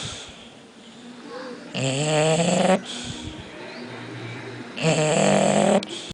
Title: bulldog snoring